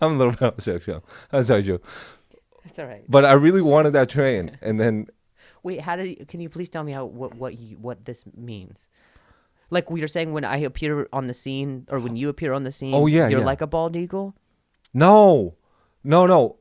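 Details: Adult male comedian whose stutter began after an injury and has since improved a lot; clip has part-word and whole-word repetitions; stuttering.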